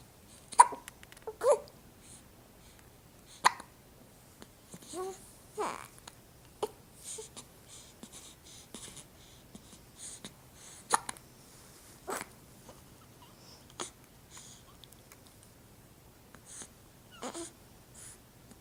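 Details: Short, sharp hiccup sounds at about 20 a minute from a four-week-old infant, with soft baby noises between; ordinary infant hiccups.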